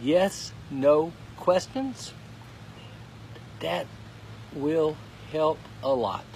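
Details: Aphasia in a man who could not talk at all eight weeks earlier, now in recovery; he says finding, forming and ordering each word takes all his effort.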